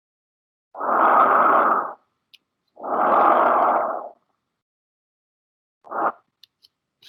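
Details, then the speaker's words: Normal tracheal breath sound heard on auscultation: airflow through the trachea, the same air passage as over the lung but with a different intensity and pitch, in a teaching session on pneumonia. "y que va a escuchar cuando a auscultar yo del pulmonar pues el mismo paso del aire pero con una intensidad y un tono diferente"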